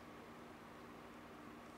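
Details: Endoscopic microsuction removing sticky, hair-embedded ear wax softened with olive oil: steady quiet suction hiss with no pauses.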